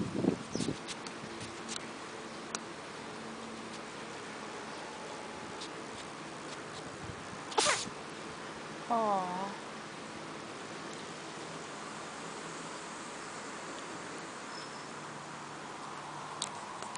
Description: Hedgehog with a cold sneezes